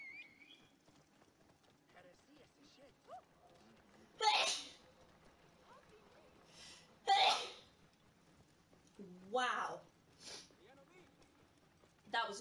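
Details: Several sharp, explosive sneezes from a woman streaming live, quick breaths between, over quiet background speech.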